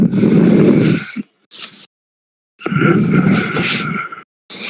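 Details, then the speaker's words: Rough, rattling low snorts recurring with each breath from a dog that loves to snore, picked up in the background of a call; at first thought to be a fan. "what are you doing I hear something on your end like it's like a snoring thing what no it sounds like oh it might it might be the fan it sounds like a pig snoring oh it might be my dog I forgot bro has a dog that loves to snore"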